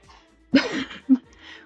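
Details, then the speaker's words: Pet cat sneezing twice in the background: two quick, sharp hissing bursts, a fuller one then a brief one, over faint room noise. "I don't know if you can hear my cat sneezing in the background."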